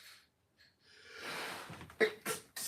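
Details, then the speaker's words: An adult's sneeze, which the person suspects a nearby box triggered: a rising noisy inbreath, then sharp bursts of air through the nose and mouth. "must be this box I haven't sneezed all day and as soon as I sit next to this box I sneeze"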